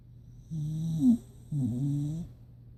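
Two low, vibrating snores on successive breaths, the first ending in a brief higher snort; ordinary snoring in a sleeping dog.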